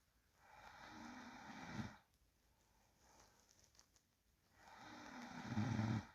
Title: Real sound of sleeping person breathing and low snoring. Listen carefully and volume up.